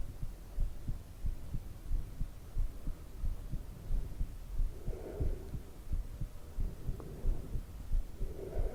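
Steady low thumping heartbeat, about 90 beats a minute, with a faint hum underneath; regular rhythm.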